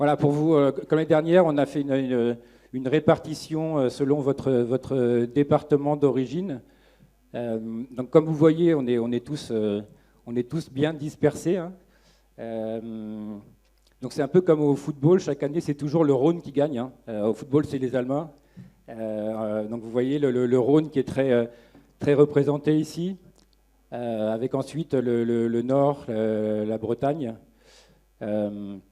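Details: Adult male speaker; typical speech.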